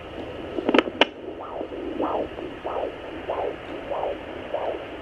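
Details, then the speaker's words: Pregnant woman using a home fetal Doppler on her abdomen picks up regular whooshing pulses at about 94 a minute: her own maternal heartbeat, not the baby's. "that there is my heartbeat your here so what I'm going to do is move around the Doppler so that I can find my baby"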